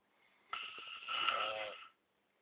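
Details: Adult male who insists he doesn't snore: a single rough, rattling breath lasting about a second and a half, with a fluttering, vibrating quality. Snoring.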